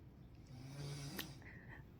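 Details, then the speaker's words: Family member snoring in the background at home while an adult woman talks; snoring. "you hear that snoring hey it's the real Frugal family home I got family here my family snores [ __ ]"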